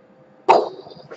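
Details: Adult still coughing a bit while getting over a bad flu: a single short, sharp cough.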